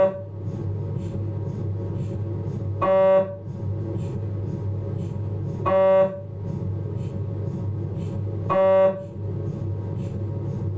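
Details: Philips 1.5 T MRI abdominal scan: steady low droning hum with a loud tonal beep-like burst about every three seconds, normal MRI scanner noise during a T2 sequence.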